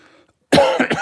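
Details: Persistent post-COVID cough from a speaker who reports feeling lethargic, unwell and low on energy.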